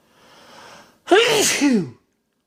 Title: My biggest sneezes yet (M)